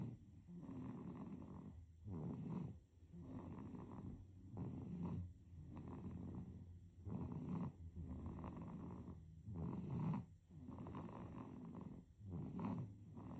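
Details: Baby snoring.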